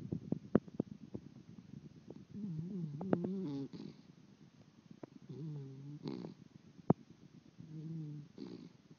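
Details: Miniature Dachshund puppy snoring while dreaming: short snuffling snores and little whimpering sleep noises with faint clicks; ordinary puppy snoring.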